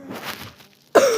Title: my sisters coughing tho